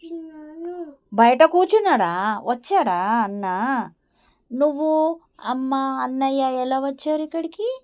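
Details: Adult woman speaking to a young child; normal speech.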